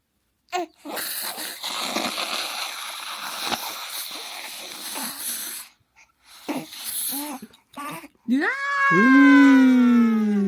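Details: A newborn baby's nose is cleared with saline and a cheap manual nasal aspirator: a long hissing, gurgling rush of suction, a short pause, then the infant cries loudly; nasal mucus suctioned.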